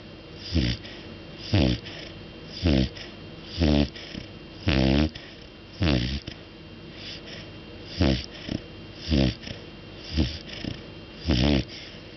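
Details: Night-time snoring from a sleeping cat, loud enough to wake the owner: rhythmic low, rattling snorts, about 11 breaths in 12 seconds.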